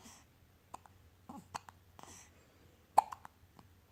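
Several sharp, brief clicks and gulps spaced irregularly in a quiet room, consistent with hiccups.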